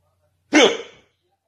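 A single short, forceful voiced burst that trails off quickly, fitting one sneeze.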